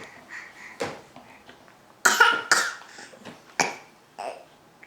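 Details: Person with big hiccups after dinner: five loud, abrupt gulping bursts in about five seconds in a quiet room; strong hiccups.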